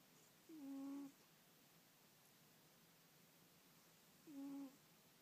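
Two short, tonal, buzzing snores about four seconds apart, each on a breath, against quiet room hiss; snoring.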